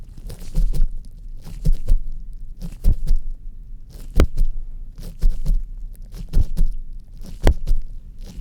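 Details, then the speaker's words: Regular paired low heart thumps at about 55 beats a minute heard via stethoscope on the chest in a roleplay exam; normal, healthy-sounding heart sounds. "excellent very good job okay our team's healthy his heart seems all right"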